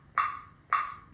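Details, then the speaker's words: Corpuls defibrillator in manual mode, training demonstration: two short, sharp electronic beeps about 110 a minute, the CPR metronome pacing chest compressions; a tonal change comes at 25 compressions for ventilation. "When you're in the manual mode, this metronome will automatically come on, and it's going to be gold standard."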